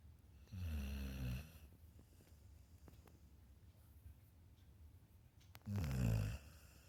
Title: snoring puppy (volume & brightness up)